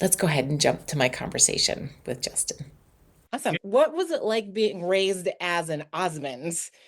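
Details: Adult speakers, likely an interviewer's narration then a question; normal speech.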